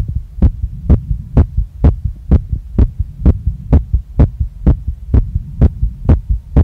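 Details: Woman's own heartbeat recorded after a workout: a strong, regular, pounding beat at about 128 a minute that won't calm down, felt in her chest, neck, face and stomach, with the chest visibly moving with each beat.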